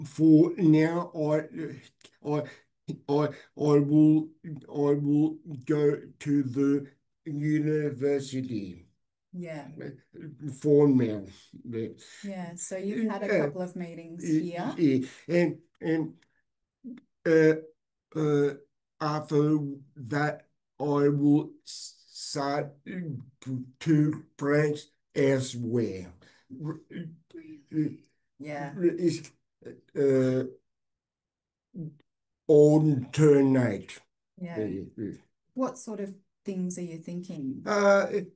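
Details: Adult man with aphasia after a stroke 6 years ago, hospitalized 6 months; he reports difficulty speaking and has not read anything since.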